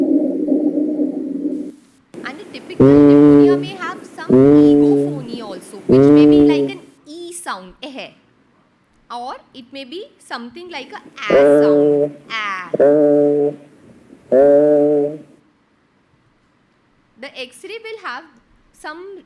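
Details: Low-pitched, snoring, musical sounds in repeated breath-linked bursts: rhonchi, pointing to secretions in the larger airways, presented alongside pneumonia findings.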